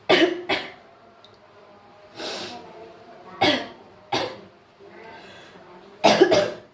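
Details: Coughing during cold and flu season, with nausea, dizziness and vomiting mentioned: six harsh cough bursts, single and paired, with quiet breathing between, a cough during a cold.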